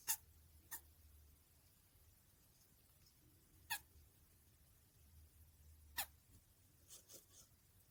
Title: Rat sneezing